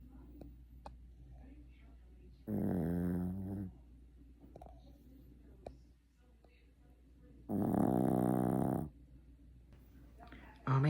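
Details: A sleeping female cat snores in loud, buzzing bursts about every five seconds, roughly 12 breaths a minute.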